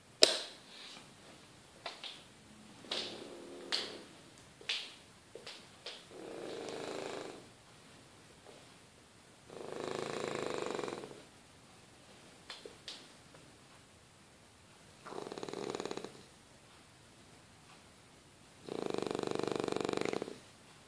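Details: Sleeping French Bulldog makes rough, rattling snores with short snorts and clicks between breaths; snoring.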